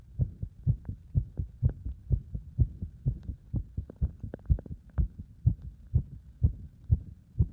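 Fast, regular heartbeat at about 125 beats a minute with crisp paired sounds, as heard under exercise load.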